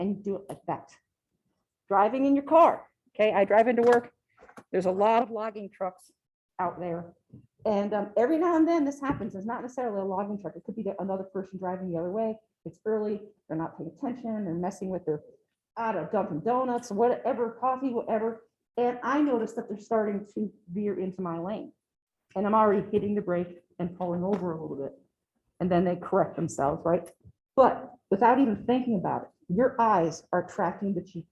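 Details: Adult lecturer; ordinary speech.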